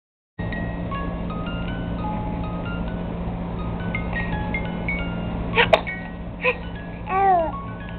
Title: Cute baby Sneeze